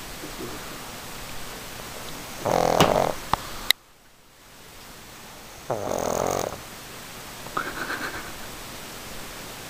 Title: Czako snoring Pug